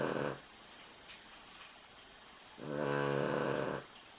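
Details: Sleeping dog: one loud buzzing snore, with quiet breathing before it; ordinary snoring.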